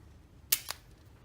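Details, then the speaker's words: Spring-loaded, depth-adjustable automatic lancing device fired against a diabetic adult man's fingertip to draw blood for a fasting blood glucose test: a sharp double click; lancing device click. "But you can set the depth of the needle, and then you just put it up to your finger and push the trigger, and it automatically hits you."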